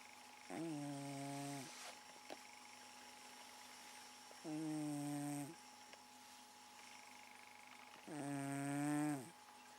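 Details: Cat asleep in the living room, said to snore all night: three long, buzzing, droning snores about four seconds apart, roughly 16 a minute, with quiet pauses; snoring.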